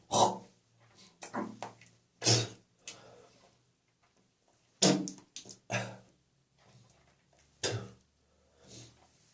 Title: Phlegmy Cough Continues